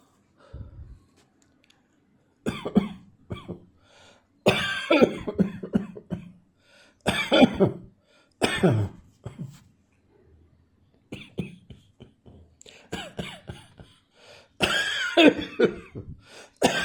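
Repeated short, harsh dry coughs in clusters, with some throat clearing, from an adult in a quiet room.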